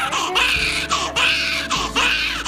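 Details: Three loud, high-pitched crying bursts separated by short breaths from a newborn girl just after a hospital birth without vacuum; room noise and low talk in the background.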